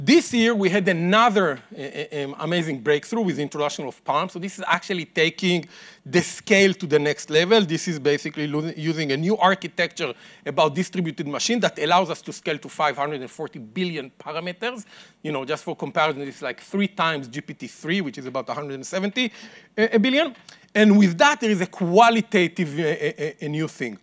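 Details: Adult male speaker; normal speech.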